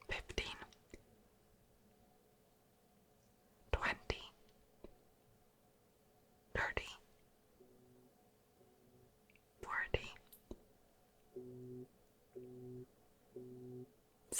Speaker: I'm going to play some frequencies for you. You're going to hear them in both ears at the same time and each frequency will be getting higher and higher.